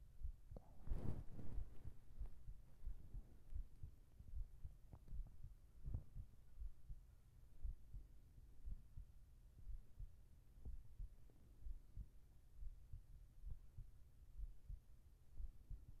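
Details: Soft, low, steady heartbeat thumps under a quiet hum, presented as the heart sound in a binaural ASMR sleep recording; an ordinary resting heartbeat.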